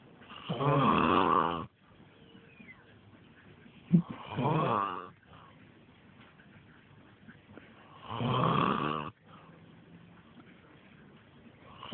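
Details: Father snoring while sleeping outdoors on a trampoline: loud, rough, fluttering snores on inhalation, about 16 per minute, with quiet gaps and faint outdoor noise.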